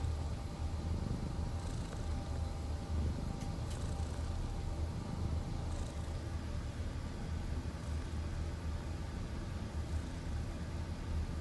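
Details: Resting cat in a relaxed mood: steady, low, rumbling snoring with soft rhythmic swells, harmless.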